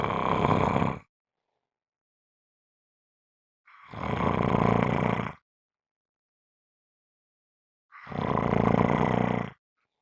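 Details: Three loud, rough, rattling snores about four seconds apart with silent pauses, about 15 breaths a minute; strong, heavy snoring.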